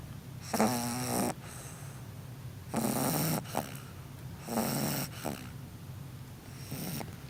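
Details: Four rattling, rumbling snores about two seconds apart from a sleeping bulldog, each a loud breath followed by brief quiet: snoring.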